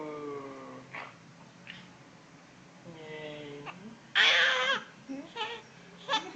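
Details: Baby with hiccups: short whimpering cries and fussing, then a louder cry burst near the end.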